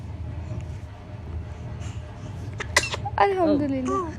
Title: BaBy first #Sneeze say ALLHUMDULILLAH 😍🥰😘